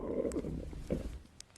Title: 피노키오 (Pinocchio) - Choi In-Ha's stomach growl |hungry(collection)